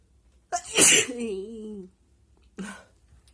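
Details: A hay fever sufferer with an itchy, sensitive nose induces a sneeze with paper: a single explosive sneeze trailing into a brief voiced sound, then a short nasal burst.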